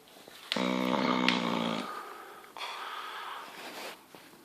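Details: Sleeping dog (bulldog, staffie or yorkie) gives a musical, whistling snore followed by a rougher, hissing breath; snoring with a wheezy whistle through a narrowed airway.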